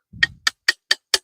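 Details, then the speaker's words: During a wolf tooth extraction in a horse, likely the 4-year-old stallion, an instrument is tapped on the bottom of the tooth. Five sharp, evenly spaced taps come at about four per second: instrument tapping. "We're extracting the wolf tooth. Yeah. Okay, go ahead and tap on the bottom of that."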